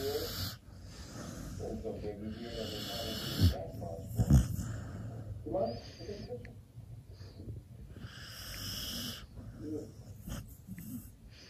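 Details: Heavy, irregular loud snoring with snorts and rattling breaths from a sleeper lying fast asleep with tongue out and twitching; faint talk in the background.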